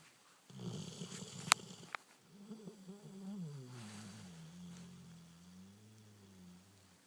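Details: Snoring: a rough snoring breath followed by a long, low, wavering groan-like snore on the out-breath.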